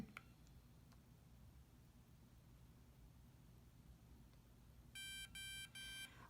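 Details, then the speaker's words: Quiet room hum, then three short bright startup beeps as a CADD Solaris infusion pump is switched on by holding the gray side button, before home TPN (total parenteral nutrition) infusion; normal power-on tones. "to turn our pump on on the side here there's a gray button with a little minus sign on it just hold it in for a second and the pump will go through its startup"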